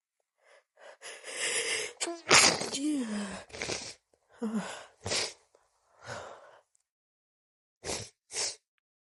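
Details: Female trying to stifle wet sneezes: a series of wet, stifled sneezes with gasping breaths between, then two short sharp bursts; repeated desperate sneezing.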